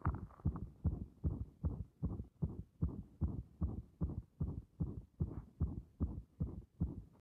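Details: Heart sounds through a stethoscope pressed directly and firmly on the chest: strong, regular, muffled thumps at about 150 a minute, a fast heartbeat.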